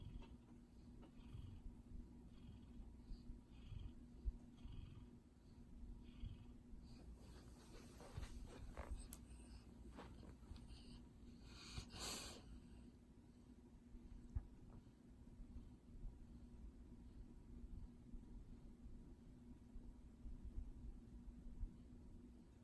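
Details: Soft, low rumbling snores from a sleeping dog, steady and quiet under a faint room hum: dog snoring.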